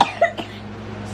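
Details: Young child with a bad cough, parents suspect croup: one harsh, abrupt barking cough.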